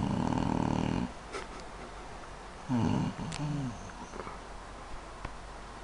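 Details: A mother asleep, recorded by her son: a loud rough rumbling breath, then a quieter gap and another snorting breath; loud snoring in a small room.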